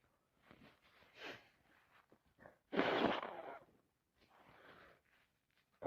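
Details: Soft sniffs and breathy intakes build to one forceful sneeze burst, then quieter breathing, amid non-stop sneezing and nose blowing; the person suspects a cold is coming on; sneezing.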